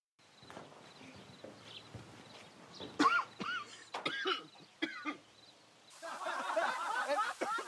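Acted series of harsh, rattly adult coughs, a chronic smoker's cough that can herald lung cancer.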